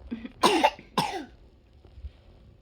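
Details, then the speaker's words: Young child with a large tongue ulcer, after a fever over 38°C, gives two sharp, harsh coughs in a quiet room; the cough has lasted about three days, is severe and nonstop, and has caused vomiting. "ini tapi udah yang ketiga ini batuknya gigil batuknya parah tuh"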